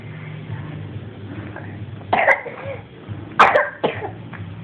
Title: cough by cold lung